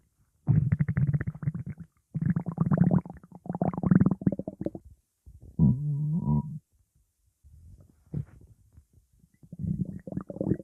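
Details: Stomach growling recorded in hospital: low gurgling rumbles in several bursts with one brief squeaky tonal growl; ordinary borborygmi.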